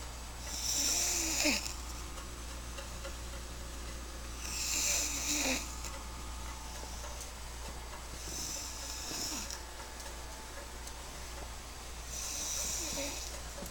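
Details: After a long day: loud, rough, rattling breaths recurring about every four seconds, roughly 15 a minute, over a steady low room hum; snoring.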